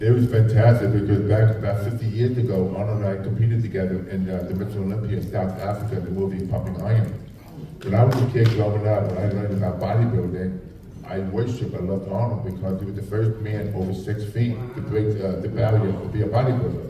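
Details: Adult male with profound hearing loss since childhood and a childhood speech impediment, trained in phonetics with a marble in his mouth, formerly wore two hearing aids, cochlear implant about 3.5 years ago: deaf speech (speech of profound hearing loss).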